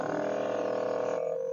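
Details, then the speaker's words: Electric compressor nebulizer switched on after adding about 15 drops of medicine and fitting the mask, steady buzzing hum while turning liquid into inhaled mist for a seated patient, e.g. with asthma; nebulizer compressor running. "इसके बाद आपने इसे बिजली के साथ connect करके इस button को इस कंप्रेसर के बटन को ऑन करना है ठीक है"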